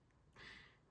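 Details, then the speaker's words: Single soft, abrupt half-second burst of hissing air in a quiet room, a small sneeze. "if you just sneeze if you could hear that"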